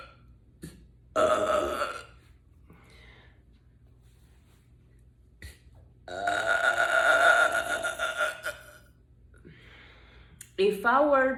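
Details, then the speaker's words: Voluntary burping in a person, who says she can burp on an empty stomach after eating or drinking: two long, loud voiced belches, then a shorter burp, over low room hum. "so some of you have asked me when I was life before if I can train myself uh to burp I normally uh can do this when my stomach is empty and then I either eat or Put liquid on it so the natural gas just come out"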